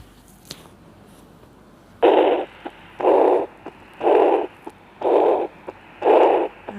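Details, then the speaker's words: Repeated whooshing, gushing heart murmur at about 60 a minute, described as a large spurt of regurgitation (aortic or mitral), played in a nursing cardiovascular physical examination demonstration: regurgitant heart murmur. "jadi seperti anda semburan gede atau namanya regurgitasi atau Artha maupun Mitra"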